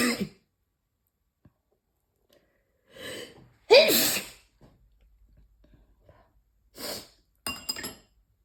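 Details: Sneezing while stir-frying spicy anchovies with chili peppers: several explosive, hissing sneezes, one very loud, with quiet pauses between, from irritant fumes.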